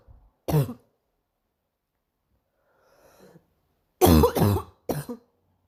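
A single cough, then a pause, then a quick run of three harsh coughs in a quiet room.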